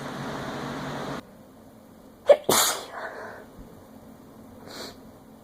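A quick catch of breath, then one forceful adult sneeze; an ordinary sneeze.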